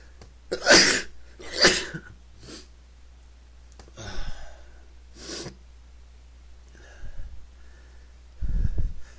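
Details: Repeated sneezing, male: two loud explosive sneezes in quick succession, then quieter breathy sniffs and exhalations.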